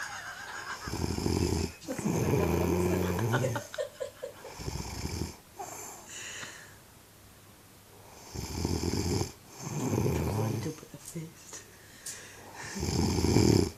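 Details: Loud, rattling, gurgling breaths in and out in long cycles with pauses between, from a sleeping dog; snoring.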